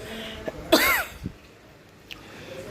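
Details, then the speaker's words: Single harsh, dry cough with no wet rattle, in a person with repeated unproductive coughing, a pounding headache and a fever and cold, recorded at home after a doctor's visit with medicines and an injection. "aku lagi sakit ini intinya sakit batuk terus batuk yang bertubi-tubi tidak mengeluarkan dahak akhirnya kepala jadi sakit cekot-cekot mau pecah ya teman-teman ya"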